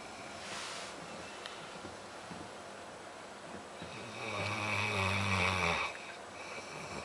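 A low, rattling snore on an indrawn breath with quieter breathing around it; ordinary snoring.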